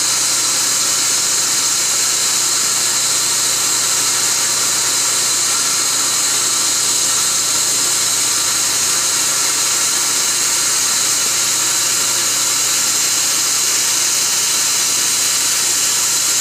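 Continuous high hissing whine from dental equipment running throughout, the operating sound of a laser-assisted root canal procedure.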